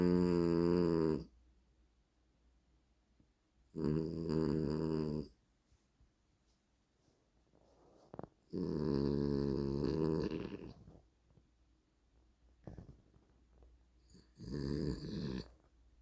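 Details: Loud, buzzing, vibrating snores at steady intervals with quiet gaps and faint snuffles between, from a French bulldog in deep, seizure-like sleep: loud snoring.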